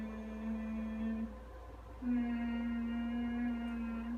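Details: Tense, back-focused humming with tightly pursed lips during resonant voice therapy for vocal hyperfunction; the patient feels the vibration toward the back and reports tightness; vocal hyperfunction.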